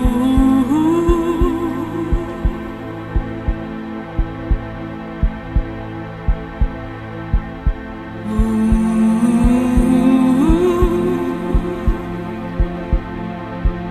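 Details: Heartbeat sound effect within an epic music mix: paired low thumps repeating about 90 times a minute under sustained orchestral music; heartbeat.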